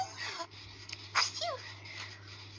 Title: Sneezes Pt.9